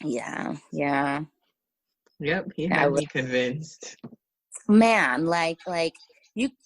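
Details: Adult speaker; normal speech.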